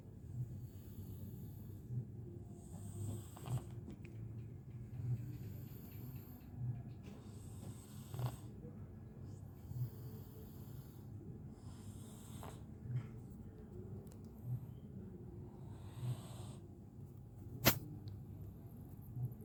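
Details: A domestic cat in deep sleep, snoring with regular low rattling snores at about 38 a minute over faint background room noise; snoring.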